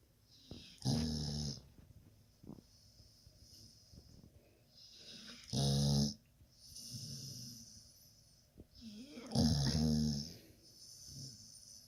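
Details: Sleeping dog snoring: rattling snores alternating with softer hissing exhales, roughly 16 breaths a minute.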